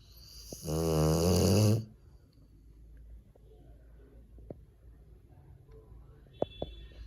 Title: Guard dog or snoring 💤 dog 🐶 #rottweilerlovers#dogmom#snoringdog#trendingshorts#original#sleepydog